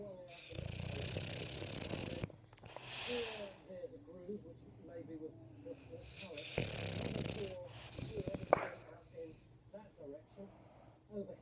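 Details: Snoring while lying on the person recording: two loud, rough, rattling breath sounds about five seconds apart, with quieter snuffling between them; snoring.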